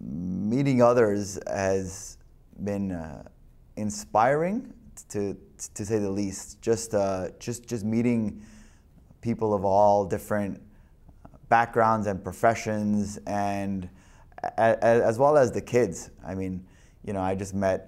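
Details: Adult with stuttering, real and not acted; stuttering.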